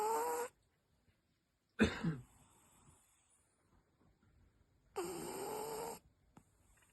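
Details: Brussels Griffon in deep sleep snoring: three short, harsh, buzzing breaths separated by silent pauses, like a tiny chainsaw.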